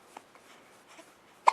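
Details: A 5-week-3-day-old baby girl has hiccups: a few soft catches ending in one sharper hiccup sound in a quiet room.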